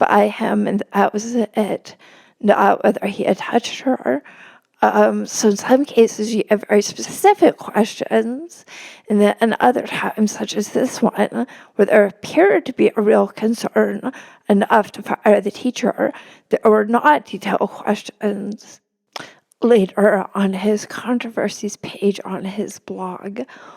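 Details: Adult woman, a religion reporter, with spasmodic dysphonia; the host notes it can make her sound nervous, though she is not: spasmodic dysphonia.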